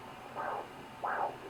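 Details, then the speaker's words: Home pocket fetal Doppler (Sonoline B) on a pregnant woman, later pregnancy, searching above the pelvic bone: two soft, whooshing pulses over static hiss, believed to be the placental swoosh rather than the fetal heartbeat. "it's not the heartbeat um i believe that is the placenta it's like a swoosh"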